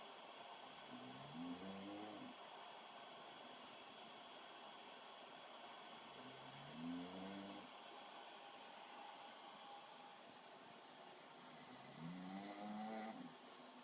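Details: Jason snoring, recorded 11/12/13: three low rattling snores on inhalation, about 11 a minute, over steady room hum.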